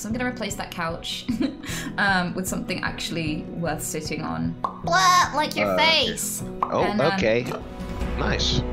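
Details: Adult woman with Tourette syndrome with severe physical and vocal tics, including involuntary swearing and offensive phrases; Tourette syndrome vocal tics.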